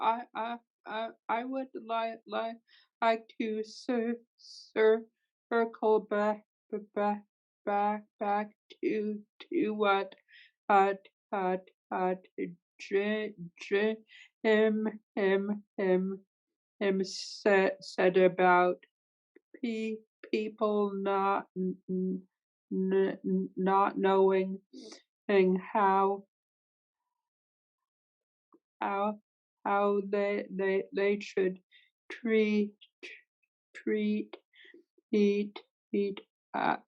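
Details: Stuttering in a woman who stutters, with sound repetitions and part-word repetitions.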